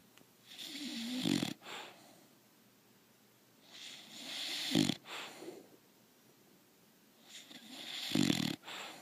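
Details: Three loud, rattling snores with snorting inhalations, about one every 3.5 seconds, separated by quiet pauses, from a bulldog sleeping contentedly: snoring.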